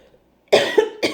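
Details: A woman coughs briefly, two short harsh bursts in a quiet room, while eating spicy crawfish with corn, eggs and potatoes during a mukbang.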